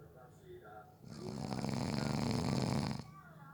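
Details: One long, low, rattling snore lasting about two seconds, with quiet breathing around it, from a person who fell asleep during a short nap.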